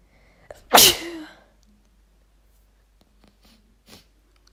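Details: Adult female, sneezing provoked on purpose with chhinkni (nasal irritant): one sharp, forceful sneeze after a brief catch of breath, followed by quiet sniffs.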